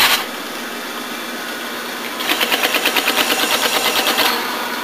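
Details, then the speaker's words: VDR4 high-frequency percussive ventilator on ex vivo pig lungs with pulsatile flow rate 40, I-time and E-time 2 s each, convective pressure rise 40 cm, oscillatory rate about 500, no CPAP: steady hiss, then a rapid train of sharp pulses for about two seconds; high-frequency percussive ventilation. "okay we're going to uh videotape the set of pig lungs which are now completely erecruit uh being ventilated by the procussion a vd4"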